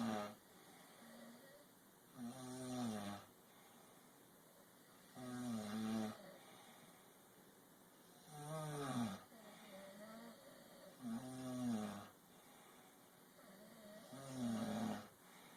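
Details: Snoring played in slow motion: slow, drawn-out, low groaning snores, roughly one every three seconds, with quiet room noise between them.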